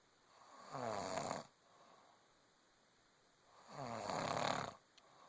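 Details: Pregnant woman snoring: two long, rattling breaths about three seconds apart, with quiet exhalations between, in a quiet room; steady snoring.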